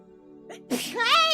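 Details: Female VTuber sneezing repeatedly during a Getting Over It livestream: a sudden sharp sneeze burst, then a high voiced trailing sound over background music; sneezing.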